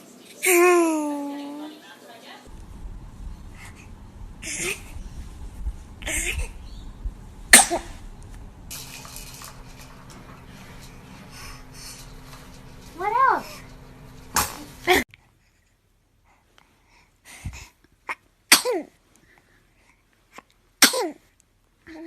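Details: Infant sneezing: a series of small, high-pitched baby sneezes, some followed by brief cries or fussing, with room noise in the background; ordinary baby sneezes.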